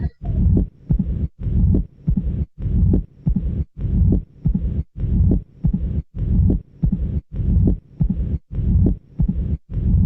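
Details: Slow regular heartbeat, about 50 a minute, at the mitral area: opening snap then a long low rumbling diastolic murmur with presystolic reinforcement before the first sound, filling each cycle: mitral stenosis with opening snap and diastolic rumble.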